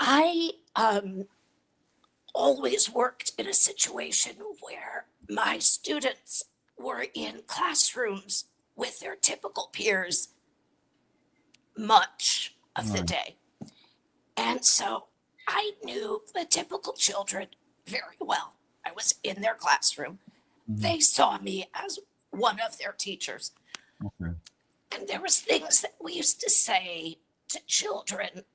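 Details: Adult woman with a chronic voice disorder that took away her singing voice and makes speech hard. She is treated with Botox injected directly into the vocal cords every three months, and her voice worsens and improves around each treatment; spasmodic dysphonia.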